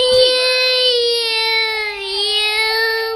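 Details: Young child crying after falling off the couch: loud, sustained high-pitched wail with wavering tone.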